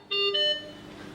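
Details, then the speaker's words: Anaesthesia machine oxygen failure alarm during pre-use checkout after disconnecting the oxygen pipeline with oxygen, nitrous oxide and air at mid-range flow: brief two-note electronic tone that fades quickly. "to check for oxygen failure alarm set the oxygen nitrous oxide and airflow to mid range disconnect the oxygen pipeline"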